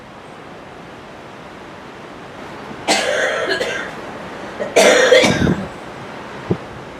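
Two harsh cough bursts over steady background hiss, followed by a faint click.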